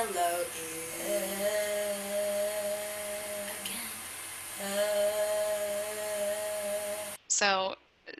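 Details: Woman with hourglass glottal closure, gaps at top and bottom and closure only mid-cord, producing a very raspy, breathy voice; raspy breathy voice (hourglass glottal closure).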